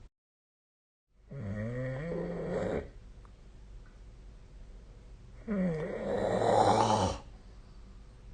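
Two long, loud, rattling snores on breathing in, separated by quiet breathing out; snoring during sleep.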